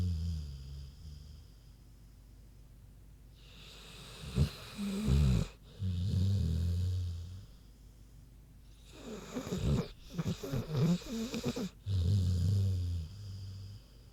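Slow, deep grunting snores with snorting breaths, about two cycles over fourteen seconds: a sleeping pig snoring.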